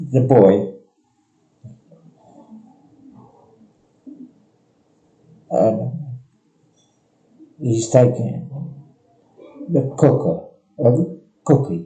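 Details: Patient describing the Cookie Theft picture; nonfluent variant primary progressive aphasia with apraxia of speech.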